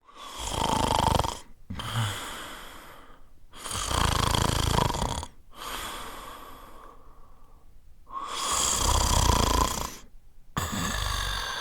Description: A man snores sleeping sound effect